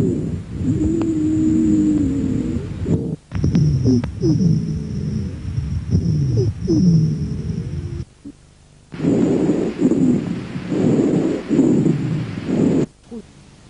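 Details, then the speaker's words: Wheezes and rhonchi, dry rales from bronchial obstruction: musical whistling and low snoring sounds with each breath, mostly on expiration, typical of narrowed airways. "escuchen entre los estertores secos provocados por obstrucción bronquial escucha a continuación las civil ansias y los roncos que son a predominio respiratorio"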